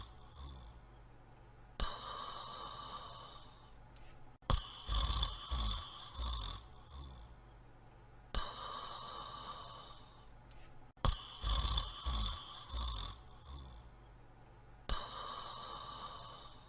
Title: The Pink Panther's Super Slow Snore Animation in 52 seconds)